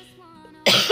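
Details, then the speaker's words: One abrupt, harsh cough over soft background music from a pregnant woman admitted for labour induction, who had been coughing so much overnight she couldn't sleep. "I don't know I've been coughing translate but last night I was coughing who had to call them because it was too much I wasn't able to sleep"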